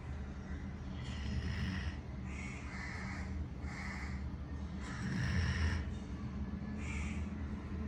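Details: Puppy Rudhra snoring while sleeping: soft, rhythmic snuffling snores, about one breath every second or two, over a steady low hum.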